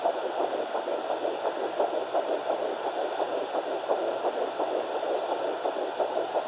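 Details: Fetal heartbeat at 9 weeks 6 days of pregnancy on a fetal Doppler: Baby A, found on the mother's left side after days of searching.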